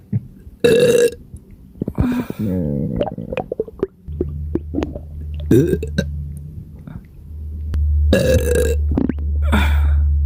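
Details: Several loud, drawn-out burps over a low steady hum and faint background music; repeated belching from an extremely gassy, upset stomach.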